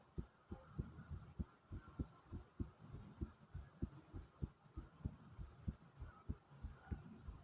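Steady, regular heart thumps at about 100 beats a minute, slightly fast, over a soft low rumble.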